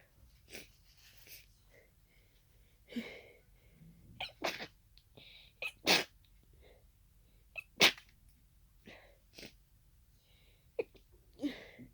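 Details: Adult's sudden sneezing fit of unknown cause after nasal irritation for about an hour, becoming congested toward the end; allergy medication was taken. A run of about six sharp sneezes with quiet sniffing between them.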